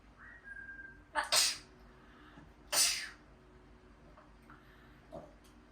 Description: Kenya the African grey talking parrot that lives in Florida is here doing her fake sneezing and saying that is cold and the birdie is thinking.